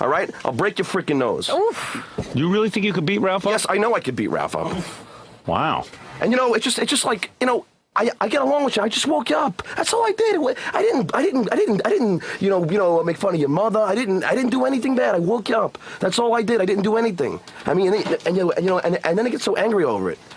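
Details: Adult man who has stuttered since second grade, conducting an interview, with part-word and word repetitions; stuttering.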